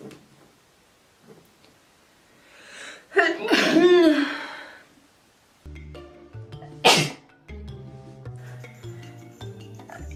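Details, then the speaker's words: A single loud sneeze followed by a short sharp burst, with music in the background, from a person who says they have sneezed about a hundred times that day; sneeze. "I don't know if it's being in the valley or what, but I've sneezed like a hundred times."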